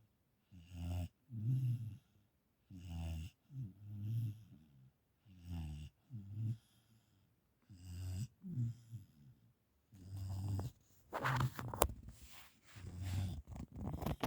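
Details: A dog snoring while sitting and watching a movie, startling its owner: repeated low, rattling snorts with each breath, about ten over fourteen seconds, with some rustling near the end.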